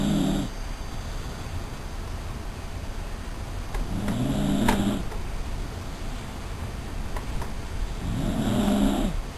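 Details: Dachshund snoring with slow, irregular low breaths about 15 a minute, while a cat purrs softly underneath in a quiet room.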